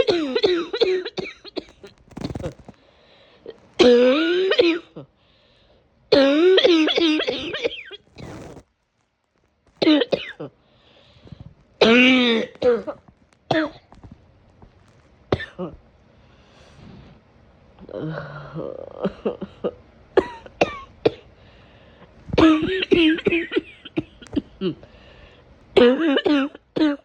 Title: The cough from hell